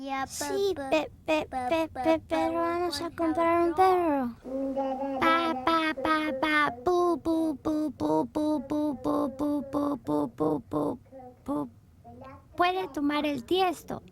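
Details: Child with childhood stuttering.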